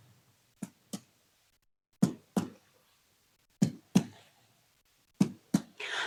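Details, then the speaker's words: Finger percussion across all four abdominal quadrants of an adult male patient: four pairs of short, hollow, resonant taps, then a brief rustle after the last pair. A normal tympanic percussion note. "Lakukan perkusi di keempat kuadran pada abdomen pasien. Suara normal yang dihasilkan adalah suara timpani."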